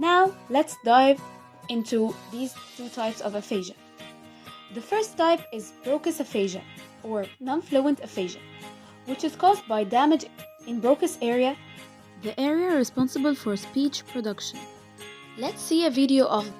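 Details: Adult narrator; normal speech.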